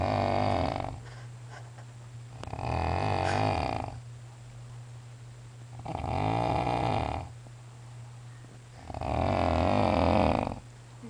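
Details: Adult man snoring while asleep at midnight: loud, regular, rattling snores likened to a bear, about 20 breaths a minute, over a steady low hum.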